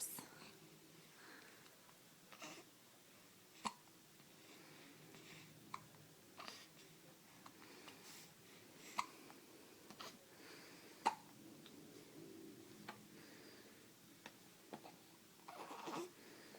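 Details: Baby girl with hiccups: faint, sharp hiccup clicks at irregular intervals, roughly every two seconds, over quiet room noise.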